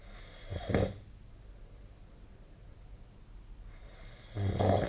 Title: 🐽 いびきの音 / Snoring Sleep Sound 2025/05/23